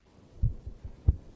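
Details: Two paired low thumps, lub-dub, a regular heartbeat at roughly 90 beats a minute, from a transplanted donor heart in a woman who had a massive heart attack, heard by the donor's mother.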